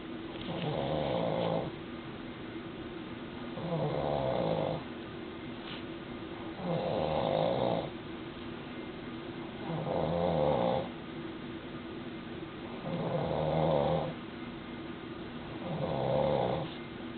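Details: Father snoring while the mother is 31 weeks pregnant: loud, regular rumbling snores about every three seconds, roughly 20 a minute, with quiet breathing between; heavy snoring.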